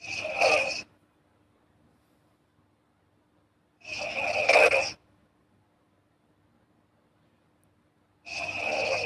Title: snoring girl asmr4